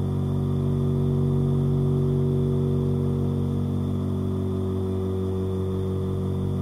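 Steady low motor hum with a fast, even pulsing of about 176 a minute, the continuous running sound of a nebulizer compressor.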